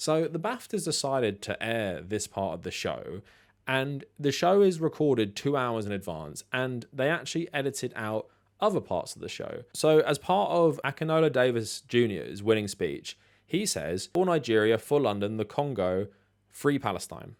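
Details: Adult male speaker; no speech disorder.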